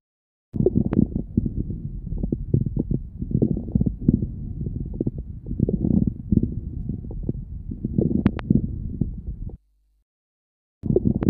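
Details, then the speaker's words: Bronchiectasis: many coarse inspiratory crackles, predominant in mid-inspiration but able to fill nearly all of inspiration, with many associated expiratory crackles. "ce sont des crepitants inspiroirs nombreux qui prédominent en mi-inspiration mais peuvent occuper la presque totalité de l'inspiration il s'associe à de nombreux crépitants expiratoires écoutez encore ces crépitants de bronchectasie"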